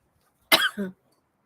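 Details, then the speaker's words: Cough from a person with an ongoing cough that was better on waking but worsened through the day, heard during a live stream: a single harsh cough burst with a short voiced tail in a quiet room. "I still have the cough. Sorry, you're going to hear it."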